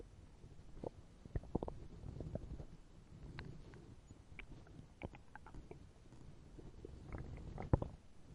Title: POV: Bumblebee comforts you, forgot to eat today and makes you listen to his stomach growling